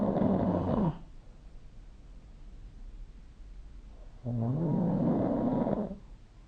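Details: Two loud, rumbling snores about three seconds apart, with quiet pauses between; snoring during sleep recorded with the SnoreLab app.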